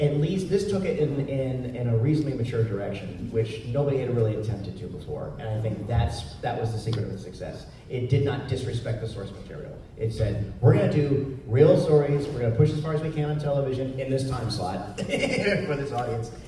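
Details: Adult male speaker; typical speech.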